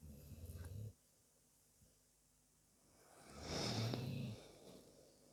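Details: Sleeping pet dog snoring: a low rumbling snore on one breath, a quiet pause, then another rising snore.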